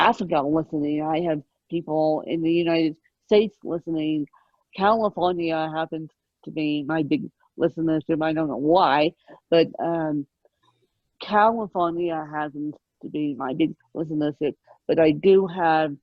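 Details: Adult woman with moderate, mid-spectrum ataxic cerebral palsy present since birth, needing 24-hour care; ataxic dysarthria (cerebral palsy).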